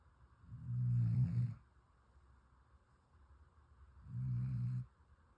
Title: Puppy Snores So Loud 😫 #snoringdog #sleepingdogs #spoileddog